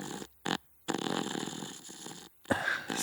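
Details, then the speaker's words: Rough, rattling snoring in short bursts with brief quiet pauses from a sleeping human, confirmed human rather than an animal such as a piglet. "H on me dit dans l'oreillette que c'est un humain. C'est un humain."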